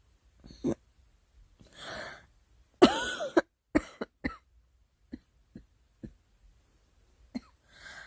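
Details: A girl coughing repeatedly in short, separate bursts, with a few softer breaths between them.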